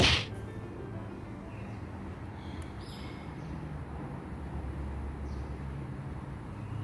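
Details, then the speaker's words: Nissei DS-11 automatic upper-arm blood pressure monitor: a click after pressing start, then a steady low motor hum as the cuff pumps up; demonstration measurement. "อ่ะคะแล้วก็กดปุ่มสตาร์ทค่ะเพื่อวัด"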